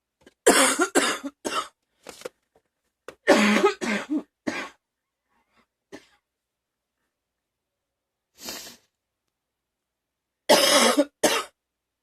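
Several clusters of sharp, harsh coughs with quiet pauses between them, about a dozen coughs in all, in a quiet room.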